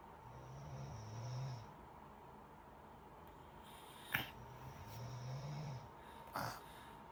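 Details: A child wheezing: breaths carry a low, musical, snore-like tone, a low-pitched wheeze from narrowed airways.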